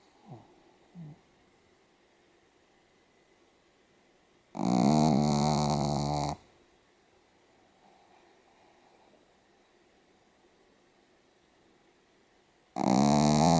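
Two loud, harsh, rattling snores, each lasting almost two seconds, about eight seconds apart, with quiet breathing between: snoring in a small dog.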